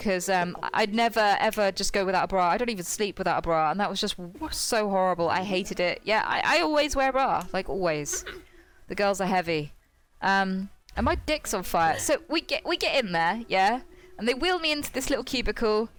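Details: Involuntary coprolalic vocal tics in a woman with Tourette syndrome, produced mid-sentence while she tells a story.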